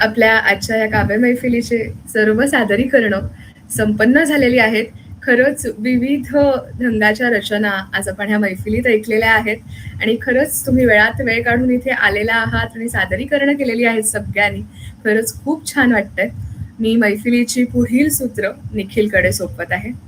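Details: Adult woman speaking Marathi; normal speech.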